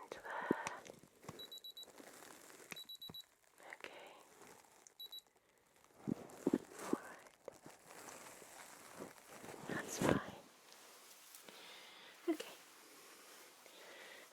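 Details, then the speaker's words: Simulated ASMR ear exam: several short, high beeps from an ear thermometer inserted in the ear, with soft handling and rustling; role-played patient with ear pain and wax; no temperature found. "I'll just take your temperature in this a while I'm over here cuz this is the side my thermometers on so you just hear a couple of beeps my lovely"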